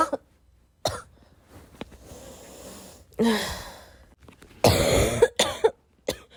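Several harsh, forceful coughs in bursts with breaths in between, the last a quick run of three; a rough, repeated cough.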